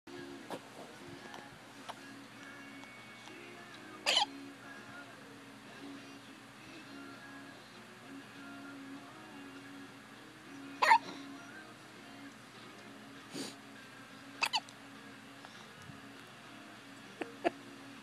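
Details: Hiccups: several short, abrupt hiccup sounds at irregular intervals over quiet background music.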